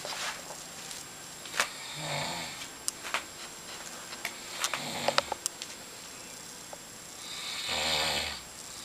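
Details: Loud rasping snores, two clear breaths about six seconds apart, with scattered clicks and room noise, from someone heard every night keeping the listener awake; snoring.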